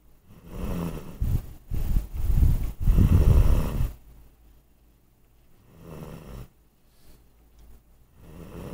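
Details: Deep, rumbling, fluttering snores in repeated bursts, loud at first and softer later: snoring.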